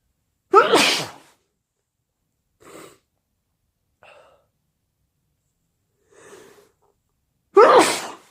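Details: Two sharp, forceful sneezes separated by soft sniffing and breaths in a quiet room; sneezing with a cold.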